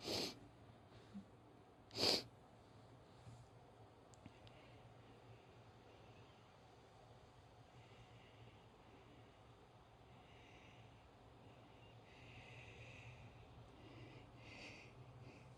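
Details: Two sneezes from a female: brief, sharp bursts of air about two seconds apart, then quiet breathing and room noise.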